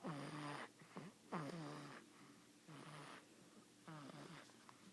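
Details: Five-week-old snoring: repeated rough, buzzing breaths about every 1 to 1.5 seconds, with whistling tones, in a quiet room.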